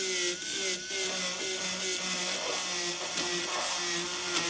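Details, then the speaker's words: Steady high-pitched whine of a dental drill with a fissure bur at moderate speed, with brief pitch dips on contact, finishing a Class I bow-tie cavity preparation on a premolar, at least 2 mm deep. "Toujours avec la fraise fissure, je vais procéder à la finalisation ou à la finition de ma préparation."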